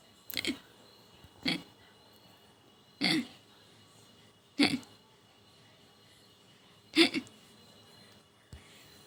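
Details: Baby girl with hiccups: six short, abrupt hiccups spaced one to two seconds apart in a quiet room, about 25 a minute.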